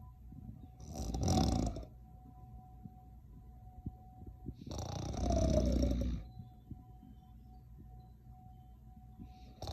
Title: Can’t get no sleep around here #sleep #mydog #snoring #kids #mexico #georgia